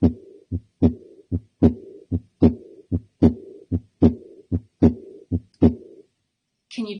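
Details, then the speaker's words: Diastolic murmur played for teaching, contrasted with a systolic ejection murmur: regular heartbeat near 75 a minute with a rough murmur filling the pause after the second sound. "the difference there almost that harsh pound after s1 so it's one boom boom it's different from a murmur that is occurs as a systolic ejection where it's you know occurring between s1 and s2"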